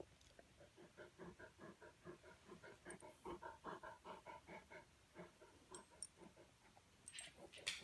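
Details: Dog (Marley) heavy breathing: rapid, rhythmic breathy pants, roughly 140 a minute, in a quiet room; heavy panting.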